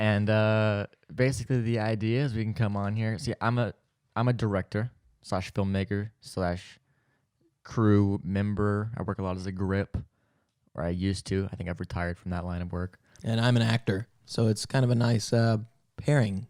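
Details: Adult man speaking; Normal adult male speech.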